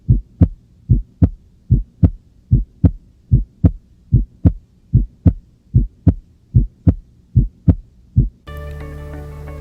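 Regular heart sounds at about 74 beats a minute, with the second sound split on inspiration; a normal physiological split S2. Music follows.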